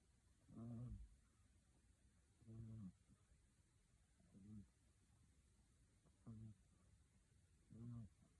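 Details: Siamese kitten sleeping deeply while snoring: soft, low, rhythmic snores about 31 per minute with quiet pauses between.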